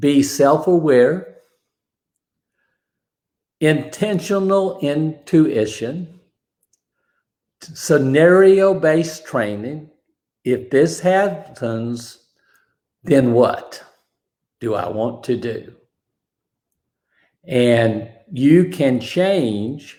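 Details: Aphasia after a stroke, described as an invisible disability; a bad morning reportedly affected his ability to talk that day.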